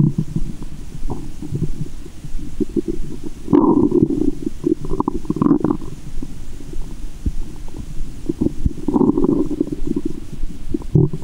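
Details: Stethoscope over the belly button after candy and fizzy Japanese soda, with belly waves: loud continuous gurgling and rumbling with bursts of sloshing; active bowel sounds (borborygmi).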